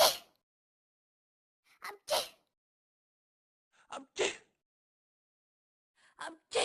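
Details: Simulated cartoon sneeze sound effect from the Talking Angela game: three or four short inhale-then-burst sneezes separated by silence; sneezing.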